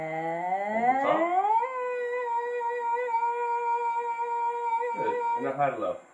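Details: Female speaker with a normal larynx producing sustained phonation, filmed by laryngoscopy as the vocal cords vibrate; normal female voice.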